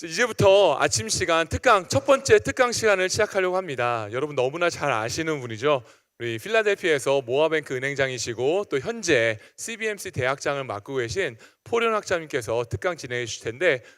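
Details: Adult male speaker; normal voice.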